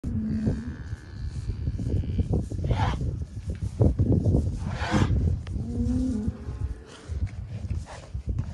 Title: Cow coughing - bovine tuberculosis